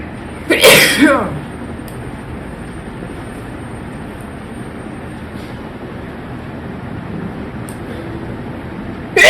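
One loud, explosive sneeze near the start, then steady background hum and faint noises.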